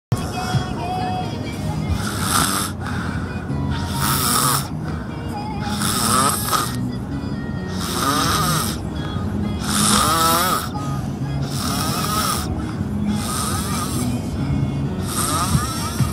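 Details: Repeated rough, fluttering snores in quick, fairly irregular bursts over steady background sound; snoring.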